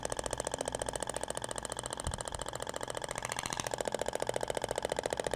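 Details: Thork shockwave therapy device in a practical demonstration: the applicator fires over gel spread with a spatula, moved slowly back and forth (protocol of 4,000/2,000 shots). Rapid, steady mechanical tapping pulses without a break.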